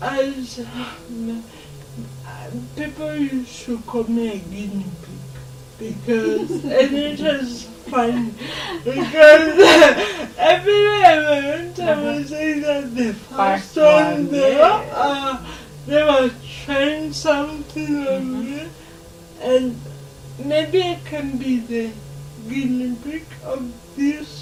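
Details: 26-year-old woman with lifelong cerebral palsy who began talking later than other children; dysarthria in cerebral palsy.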